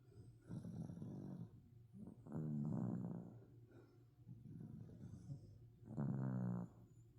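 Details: Overweight dachshund snoring while asleep: low rumbling snores with each breath, about 17 a minute.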